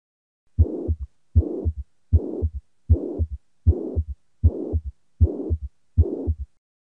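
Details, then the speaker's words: Holosystolic murmur, presented as tricuspid regurgitation heard under the sternum near rib five: regular heartbeat near 78 a minute with a blowing murmur filling the whole gap between the first and second sounds. "and just like with mitral regurgitation it's the regurgitant flow vector that determines where you can hear the murmur all right so let's take a listen"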